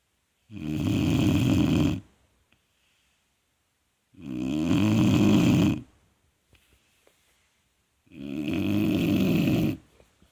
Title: Vizsla puppy snoring